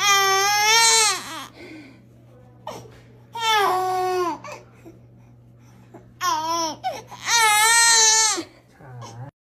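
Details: Baby getting vaccination injections, reportedly in the hip. The baby gives loud, high-pitched, tense wails in long bursts with gasping pauses between them. This is an infant pain cry after the shots.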